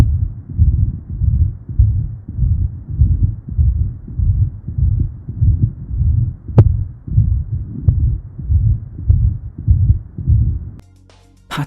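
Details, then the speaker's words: Aortic regurgitation murmur, illustrative: regular low heartbeats about 100 a minute with a soft blowing early diastolic murmur after each beat. "it leads to an early diastolic murmur the intensity of which is often increased when the patient grips their hand"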